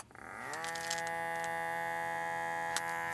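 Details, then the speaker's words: Traditional automatic blood pressure monitor inflating its cuff: steady, loud, buzzing whine of a small motor pump starting up and running continuously. "It's pumping up the cuff, and this is how it sounds like. Okay, it is loud, it is noisy."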